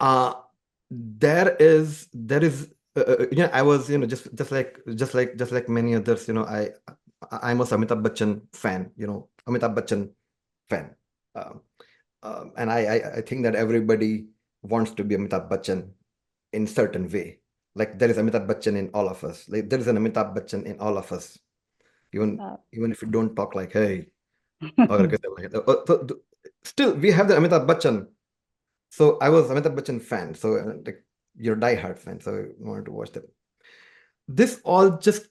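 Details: Adult man described as a person who stammers, heard with word repetitions and fillers; stammering.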